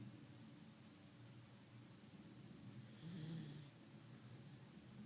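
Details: Sleeping cat snoring: quiet low rumbling breaths with one brief louder snorting snore.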